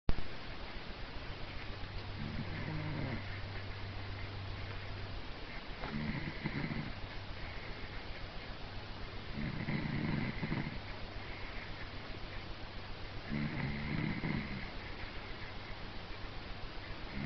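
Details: Sleeping dog snoring: repeated low, rumbling snores roughly every four seconds.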